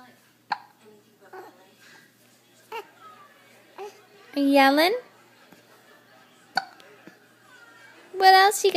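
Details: A 9-week-old infant hiccups in short, sharp catches at irregular intervals, with two loud high-pitched yells between them.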